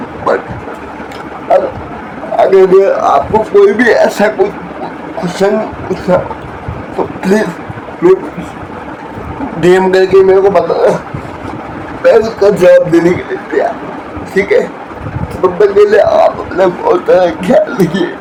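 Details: Speech of an adult man with cerebral palsy since birth (born prematurely at seven months), who says he has difficulty speaking; dysarthria due to cerebral palsy.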